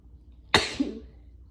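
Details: A single strong, forceful, explosive sneeze with a sharp burst of air and a brief voiced tail, against quiet room noise.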